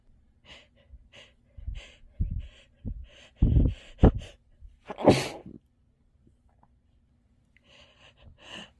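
A run of muffled, partly stifled sneezes with sharp bursts and quick in-breaths between them; repeated sneezing.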